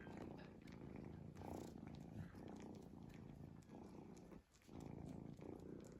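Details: Sleeping cat snoring: steady low rumble, almost unbroken, with one brief pause between breaths, closely resembling purring.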